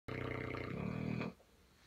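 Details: A mother and daughter Neapolitan Mastiff pair snoring in sleep, recorded in 2017: one loud, deep, rumbling snore lasting about a second, then quiet.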